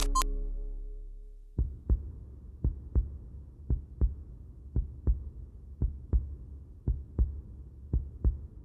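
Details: Woman, previously misdiagnosed for years before a heart diagnosis: after a brief tone, a steady lub-dub heartbeat at about 57 beats a minute, strong and regular; normal heartbeat.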